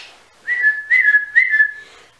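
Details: Person with Tourette syndrome; a whistle-like vocal tic comes just before a repeated spoken word tic; whistling vocal tic.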